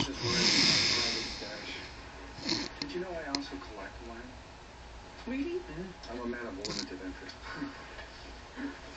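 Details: Repeated rough, rattling snores with people talking nearby; ordinary snoring.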